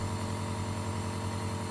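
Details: Dr Trust 401 compressor nebulizer switched on and running with the medication chamber attached: a steady low motor hum with a rapid buzzing vibration.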